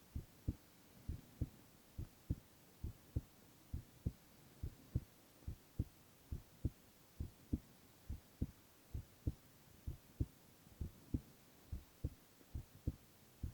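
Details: Male ASMR recording of heart sounds alone, without speech: steady regular low double thumps at about 67 beats a minute with a faint hum behind; normal heart sounds.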